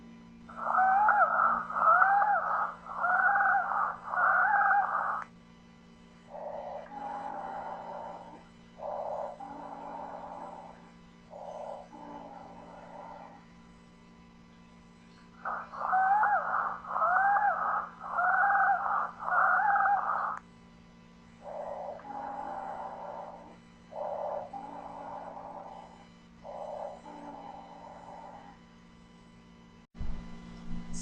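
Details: Polyphonic expiratory wheezes: repeated breath cycles with musical, whistling sounds on breathing out.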